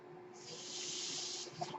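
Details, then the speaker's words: Mechanical ventilator noise from the speaker's own ventilator, heard in the background as they talk. "Hello everyone, my name is. That noise you're hearing is my ventilator."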